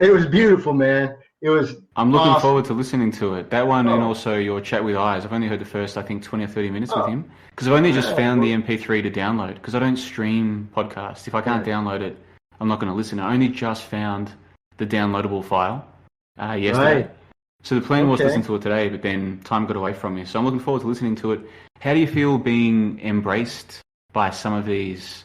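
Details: Adult man speaking; typical speech.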